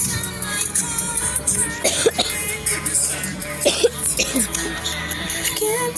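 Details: Person singing along to pop music interrupted by a couple of short, harsh coughs.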